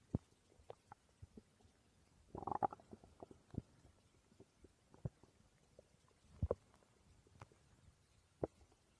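Scattered low gurgles and a louder rumbling burst from the belly, ordinary stomach growling.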